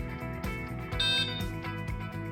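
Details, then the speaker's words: Compat Ella portable enteral feeding pump: repeated electronic alarm tones over a steady hum, the end-of-priming alarm after auto-priming the tubing, acknowledged with the start/pause button. "the start pause button to acknowledge the end of priming alarm"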